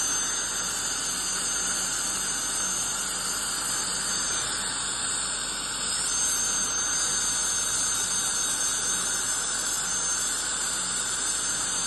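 Continuous high-pitched hissing spray with a shrill whine, the sound of ultrasonic scaling and air-polishing during a dental cleaning.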